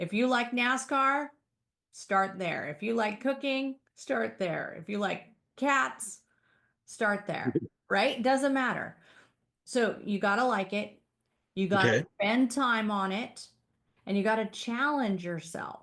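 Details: Adult woman speaking; no disorder.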